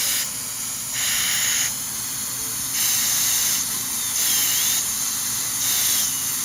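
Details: High-speed dental handpiece (drill) preparing porcelain veneers on teeth #7 and #8 with lingual chamfer margins. Continuous high-pitched hissing whine rising and falling in bursts as it cuts through the interproximal enamel to break the contact.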